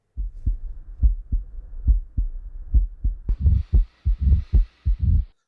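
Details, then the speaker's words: Heart sounds heard through a stethoscope as an educational example of lub-dub, which changes if there is a murmur or heart disease: a regular, low thumping heartbeat at about 74 beats per minute, with a faint hiss partway through. "இதை வச்சு கேட்டா லப்பு டப்பு லப்பு டப்பு லப்பு டப்புங்கறது வேற வேற sound இதயத்துல வந்து மறுமறல்லாம் ஏதாவது இருக்குமா"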